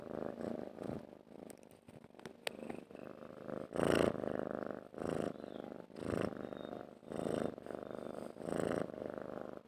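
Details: Domestic cat purring: a steady, low rumbling purr in repeating waves as it breathes in and out, with some handling noise.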